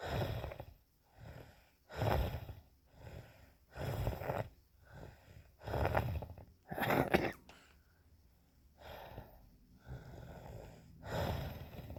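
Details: Justin's wheezing episode: repeated noisy breaths with a whistling, wheezy edge roughly every two seconds, in a quiet room.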